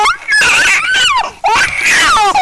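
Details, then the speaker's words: Two loud, high, wavering cry bursts with a brief gasp between from a 2–3-month-old infant recorded during a bath: a discomfort cry, not pain. "Enregistré lors d'un bain, hein, donc il n'est pas bien en train de souffrir, il est juste en situation d'inconfort."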